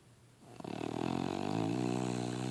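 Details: Sleeping dog named Lucy; a steady, rough, low rumbling breath sound, rising in loudness; snoring.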